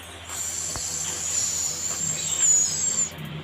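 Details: Steady high-pitched hiss of a suction machine running, with faint room sounds, during nasal suctioning of secretions in a 30-year-old woman with shortness of breath; the nurse suctions each nostril 3-5 times.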